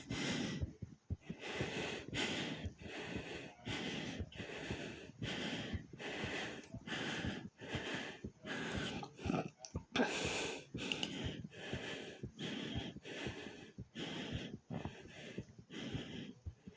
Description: In this video not only is my heartbeat fast and my breathing was hard but my stomach growled right in the middle of it i hope everyone enjoy this very fast heartbeat sound like comment subscribe and enjoy #heartbeat #breathing #stomachnoise